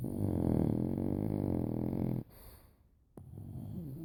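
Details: Two sleeping animals snoring in tandem: a deep, rattling snore lasting about two seconds, then a pause and a softer second snore.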